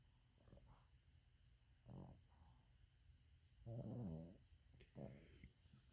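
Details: Several low, rumbling snores at irregular intervals over steady room noise, the loudest near the middle; ordinary snoring.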